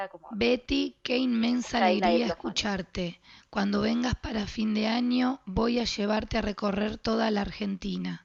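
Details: Adult reading aloud in Spanish; dysphonia with diplophonia (hemorrhagic vocal fold polyp).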